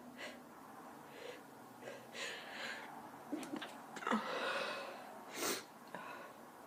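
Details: Female sneezing: soft breathy inhalations followed by a few short, stifled sneezes.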